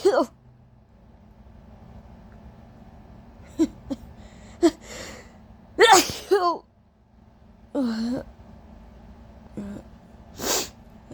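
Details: Induced allergy sneezes from a nose extremely sensitive all day: several very powerful, wet sneezes, each a sharp explosive burst, with short breaths and sounds between them over a steady room hum.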